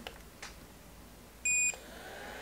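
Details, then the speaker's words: LEEL ozone (O3) CPAP cleaner attached to AirSense 10 hose, button pressed and held to start 30-minute cycle: single high electronic beep in quiet room, then faint air hiss; cleaner start beep. "And then just like the other CPAP cleaners that are similar to this, you just press and hold the button for a few seconds, then it starts."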